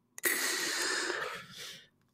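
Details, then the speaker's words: Metered-dose albuterol inhaler puff taken by an adult with acute bronchitis to ease coughing and breathing: a faint click, then a steady hiss of about a second and a half. "so it help me to breathe actually you can hear I'm going to take a I'm take a puff right"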